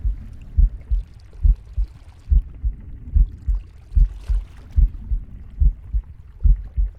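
Steady paired heart thumps at about 70 a minute, with faint rustling breath and gurgling stomach noises behind them; a normal heartbeat.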